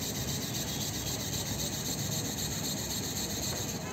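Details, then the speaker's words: Medtronic XPS 3000 ENT debrider with an M2 handpiece running in oscillation mode. Partial pressing gives very low speed and fuller pressing raises it, producing a steady rasping, whirring motor noise. "so whenever I'm pressing like oscillation mode see that if I'm pressing partially see the display so it will be coming like very low speed if I keep on pressing the speed will get increased"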